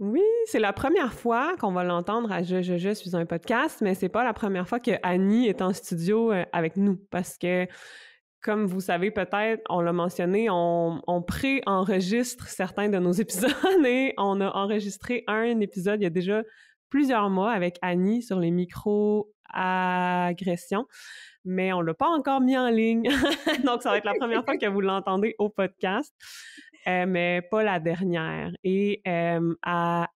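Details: Stuttering in an adult woman who stutters and is a speech-language pathologist, speaking French with repetitions.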